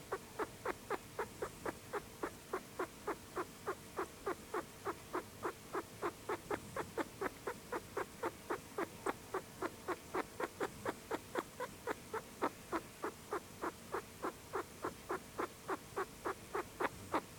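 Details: Rapid, regular clicking or chirping at about 210 per minute, tied to each breath, from a sick pet rat; abnormal respiratory noises, vet visit planned.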